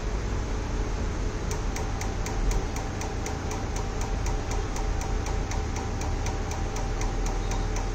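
Rapid regular clicks, about four per second, over steady fan-like room hum: a tattoo removal laser firing pulses.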